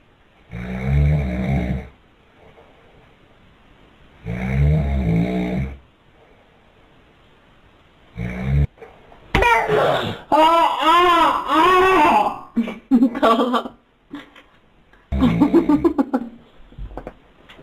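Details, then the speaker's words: A father snoring loudly beside his young child, with rumbling snores about every four seconds; the child wakes and makes high-pitched vocal sounds. "çocuk annesi ve babasının yanında uyuyor babası parlamaya başlıyor çocuk uyanıyor ve babasına gereken uyarıyı yapıyor"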